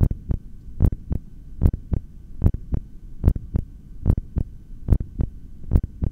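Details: Clear, regular lub-dub normal heart sounds at about 74 beats a minute, heard through a stethoscope during a long voluntary breath-hold.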